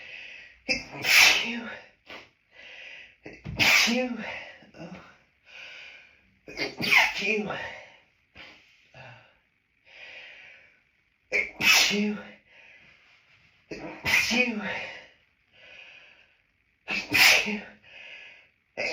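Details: Adult woman hiding in a toilet cubicle after stifling sneezes at an outdoor lunch on a high-pollen day; six forceful sneezes, each preceded by a sharp gasping breath in; repeated hay fever sneezing.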